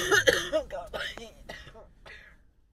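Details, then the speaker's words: Adult with a cold that has gone to the chest, worn out after showering: a coughing fit of about six harsh, voiced coughs growing weaker toward the end. "Can't cope with the coughing. Customers don't want to hear that. Customers. Subscribers don't want to hear you coughing your tits off."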